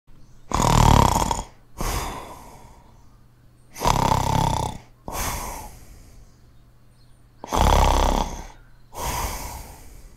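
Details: Snoring sound effect.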